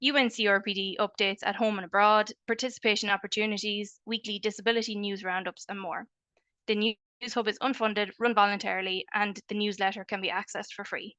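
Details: Adult woman speaking; ordinary speech.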